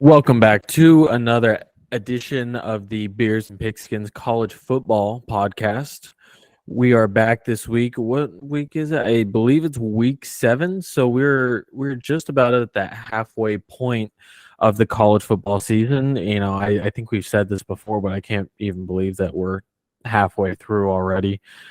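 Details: Adult male speaker; normal speech.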